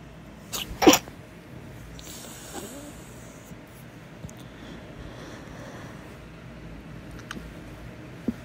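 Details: Small sneezing fit at night, a quick pair of sneezes, the second loud and explosive; owner unsure whether it is a cold or allergies.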